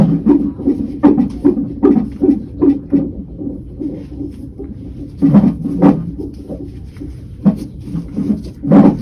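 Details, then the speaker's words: Rapid pulsing whoosh of a fetal heartbeat, around 150 beats a minute, heard on a labor-and-delivery type monitor during a non-stress test at 38–39 weeks of pregnancy, fading as the baby moves away. "And this is a monitor like they have in labor and delivery. And we're just going to listen to the baby's heartbeat."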